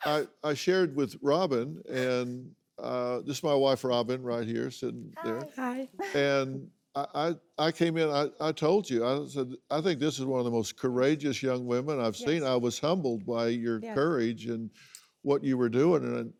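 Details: Adult man speaking; normal conversational speech.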